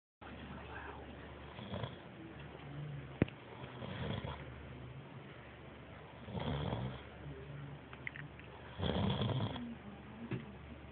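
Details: Loud, rough snores recurring with each breath, about 12 breaths a minute, over quiet room noise; ordinary snoring.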